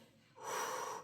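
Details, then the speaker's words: Dog snoring in the background during a tarot reading; the dog gets very zen during readings: snoring. "And if you can hear my dog snoring in the background, he gets very like"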